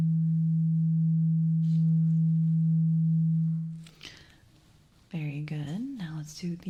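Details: A pure steady ringing tuning-fork tone fading out, then brief soft voices, in an acted ASMR ear-exam hearing test. The patient reports clogged, wax-filled ears and is tested before ear cleaning, eyes closed, saying when the sound stops.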